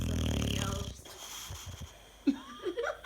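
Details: Boxer dog named Canelo sleeping with tongue out and eyes open, giving a loud rattling snore followed by softer snorting breaths and a brief squeaky noise; ordinary dog snoring.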